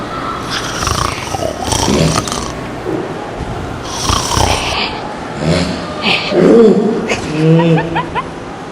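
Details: Heavy snoring from a sleeping person: loud, irregular rasping snores with snorting breaths, a few seconds apart.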